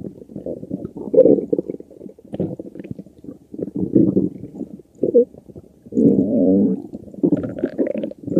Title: Stomach Growling